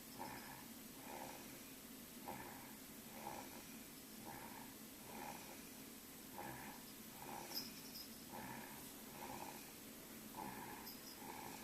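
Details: 9-month-old sleeping baby: soft, regular nasal snoring, about 60 breath sounds or roughly 30 breaths a minute; infant snoring.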